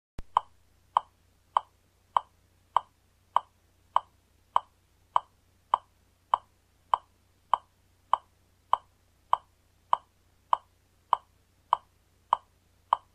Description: This video demonstrates infant cardiopulmonary resuscitation using a metronome to indicate 100 beats per minute.